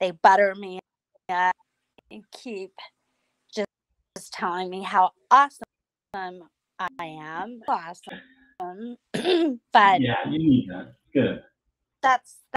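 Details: Woman about nine years after hemorrhagic strokes caused by a carotid artery tear, which left her unable to talk; she relearned speech with a speech pathologist through singing. Post-stroke aphasia.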